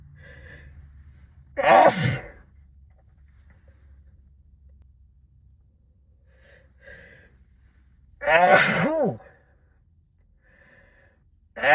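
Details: Two loud sneezes muffled into a sleeve, with gasping breaths before each and quiet breathing between; part of a sixteen-minute sneezing fit brought on by cold weather.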